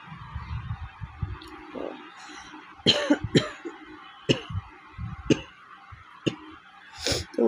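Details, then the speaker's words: Adult woman with a week of fever and a cold, throat sore and voice cracked: about six short coughs with throat clearing in a quiet room; real, not staged, cough. "ভিডিওটা ভালো প্রচণ্ড কাশি হয়েছে, প্রচণ্ড, মানে real."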